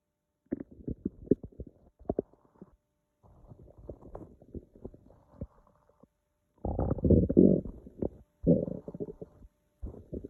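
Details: Bursts of low gurgling and rumbling from a hungry stomach, typical hunger noises of normal gut movement: borborygmi.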